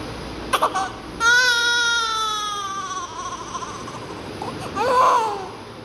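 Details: Newborn baby girl just after birth, during oxygen administration: loud tonal wail with a gasping start and a second cry; a normal newborn cry.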